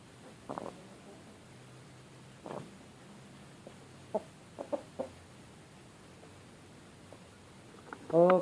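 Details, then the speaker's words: A rooster with severe snoring (ngorok): brief, rattly, gurgling respiratory rales with its breaths, ending in a short cluck. "Di sini ada satu lagi ayam saya yang ngorok, yaitu yang ini. Kedengaran ya suaranya? Ya, itu ngorok parah ini."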